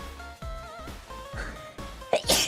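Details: Single sneeze near the end over soft background music, a short voiced intake then a sharp hissing burst, from a VTuber (Mococo) sneeze compilation clip.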